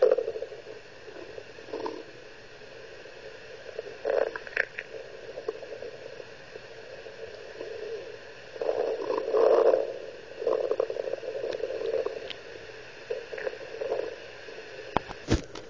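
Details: Irregular low bubbling and squelching gurgles over a steady hiss from the stomach of an 11-year-old female; active bowel sounds (stomach gurgling).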